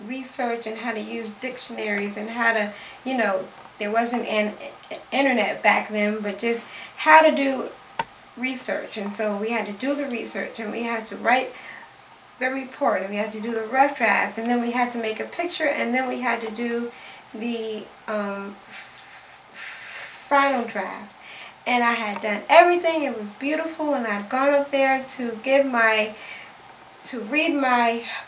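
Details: 67-year-old man who has stuttered as long as he can remember and had years of speech therapy, still with some stuttering; stuttering.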